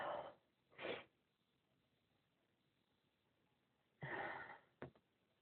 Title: Itchy sneezes!